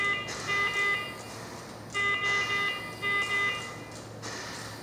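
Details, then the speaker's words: iX5 mechanical ventilator in a training demonstration, just after starting ventilation without compressed air connected: repeated bursts of high-pitched alarm tones with pauses, a low air supply pressure alarm, stopped by setting FiO2 to 100%. "conforme eu havia mencionado mas não estamos trabalhando com ar comprimido então ele está dando aqui o alarme de pressão de ar baixa"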